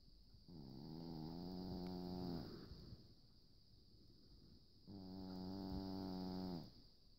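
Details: Two long, buzzing, humming snores on inhalation with a quiet pause between them; snoring.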